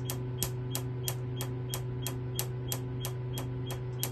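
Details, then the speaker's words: Q-switched Nd:YAG laser (1064/532 nm, small spot) firing on a banana demo to remove red pigment, energy varying with distance: sharp regular snapping clicks about three per second over a steady hum. "you can see when I use different distance close to the treatment area the energy is different it's it's very easy to remove the red colors"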